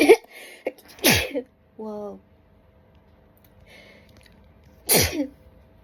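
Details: Sneezing fit attributed to dust: two sharp, explosive sneezes, each with a gasping lead-in, brief voiced sounds between.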